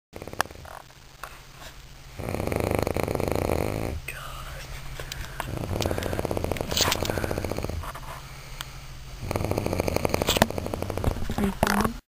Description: She snored.